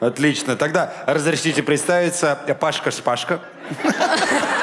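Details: Adult male speaker; normal voice.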